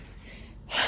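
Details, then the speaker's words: Dog with a cleft palate and bilateral cleft lip gives one sharp, airy nasal snort, the huffing or reverse-sneeze-like sneezing he does whenever he gets excited. "is doing the sneezing because he has a cleft palate and bilateral cleft lip so like any time he gets revved up he starts kind of doing that"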